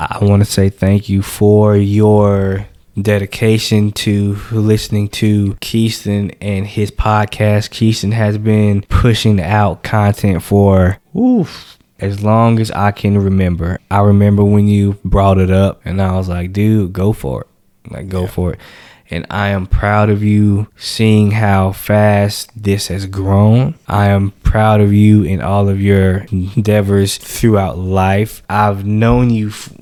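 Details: Adult man who says he has stuttered since age 5, speaking on a podcast; stuttering.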